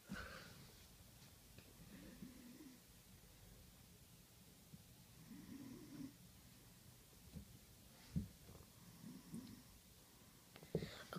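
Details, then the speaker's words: Girl snoring in her sleep, recorded at night, described as weird: soft, irregular low rumbling breaths recurring several times in a quiet room. "when you see this in the morning it is 88:13 right now and um hope you like the video your snoring is really weird"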